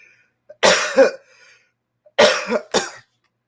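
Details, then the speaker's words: Two short bouts of dry coughing from an adult woman, about five bursts in all, with quiet between bouts, during a live talk; she reports a sinus infection with a dry throat and voice: cough. "As you can probably hear from my voice, I got a sinus infection. My voice my throat's all dry. I'm having a hard time here.""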